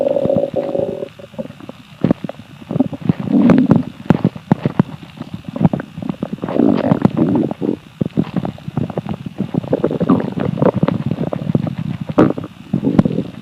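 Loud rolling gurgles with rapid bubbling pops and squeaky rumbles, typical of an empty stomach growling, a normal gut sound.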